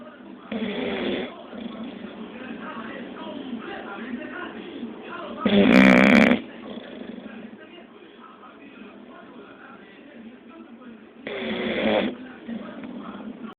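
Rattling, snorting breaths under steady background noise, with louder snores every few seconds; a bulldog snoring.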